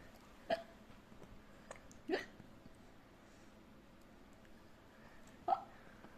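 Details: Hiccups: three brief, sharp hiccup sounds spaced irregularly over about six seconds in a quiet room.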